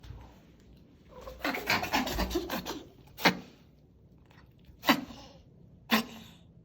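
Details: Cat with reverse sneezing, examined by a vet and judged nothing to worry about: rapid run of harsh snorting inward breaths, then a few separate sharp snorts; harmless upper-airway spasm.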